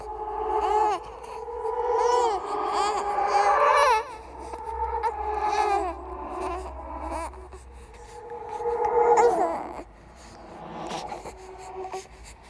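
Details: Horror "ghost baby" sound-effect track, not a real recording: wavering infant cries and whimpers in repeated bursts mixed with babbling, simulating infant crying.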